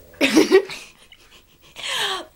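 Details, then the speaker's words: Adult man (an uncle, a father) snoring loudly: two loud, rough snoring breaths with a rattling, fluttering quality and a quiet pause between them; heavy snoring. "this is my uncle scott her dad and this is how loud he is it's really funny"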